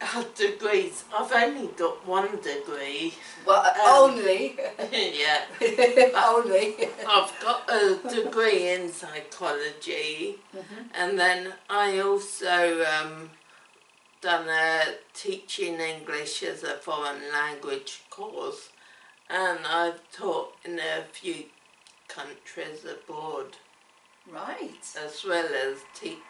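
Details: Woman with cerebellar ataxia affecting her coordination, speech and swallowing; ataxic dysarthria.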